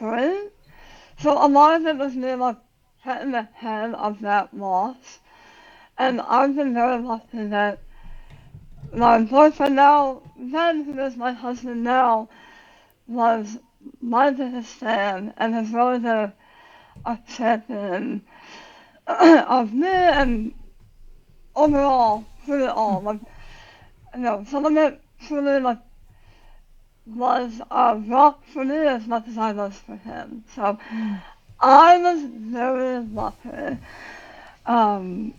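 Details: Adult woman about 9 years after tongue cancer surgery with leg-flap tongue reconstruction and radiation; says she has very little tongue, relearned to talk, speech worse when tired; speech distortion after partial glossectomy.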